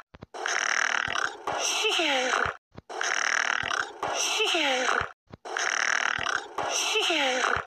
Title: snoring 40